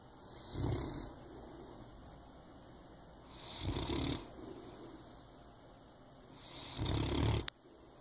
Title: snoring